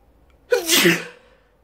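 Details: One loud, explosive sneeze with a sharp onset and hissing burst of air, fading within about half a second; ordinary sneeze.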